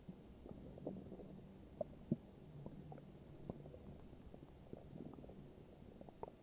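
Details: Morning stomach growling: low gurgling rumbles with scattered bubbly pops from the belly; ordinary borborygmi, a normal sound of gut activity.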